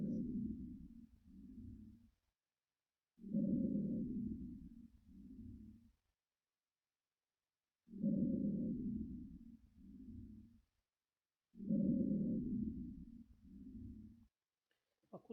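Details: Simulated normal bronchial breath sounds from an auscultation training system: four breath cycles, each louder inspiration followed by shorter, softer expiration; bronchial breath sound is softer than tracheal and louder than vesicular.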